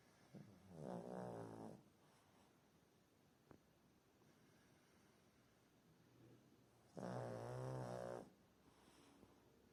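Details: Person snoring loudly during sleep: two loud rasping snores several seconds apart with quiet breathing between them.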